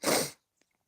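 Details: Sick adult feeling stuffy and low-energy: a single sharp, explosive burst of air lasting about a third of a second, then quiet with a faint click; one sneeze.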